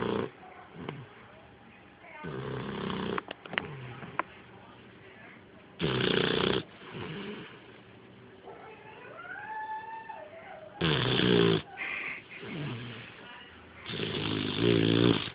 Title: Snoring dog